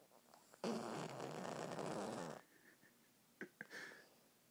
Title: Scamper the Snoring Cat with No Ears